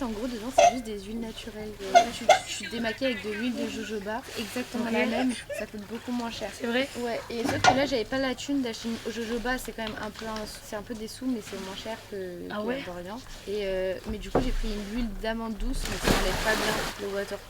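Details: Adult woman speaking French; normal voice.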